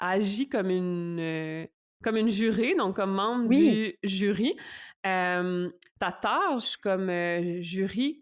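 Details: French-speaking adult woman who stutters; stuttering.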